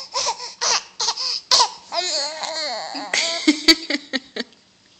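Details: A young child makes a voluntary (fake) cough: a series of short, voiced, deliberate cough-like bursts mixed with playful vocal sounds.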